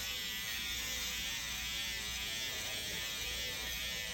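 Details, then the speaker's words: Steady high-pitched electric buzz of a SkinPen microneedling pen on an adult man's nose during a facial treatment with PRP, after Venus Viva radiofrequency, using ProNox for pain; he rates pain 2–3/10 and says it tickles; microneedling pen operating. "And now we're doing microneedling. I can feel it, so I'm going to breathe a little more air."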